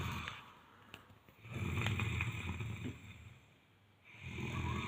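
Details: A boy snoring at night: low, rough snores on breathing, two long noisy breaths separated by a quiet pause.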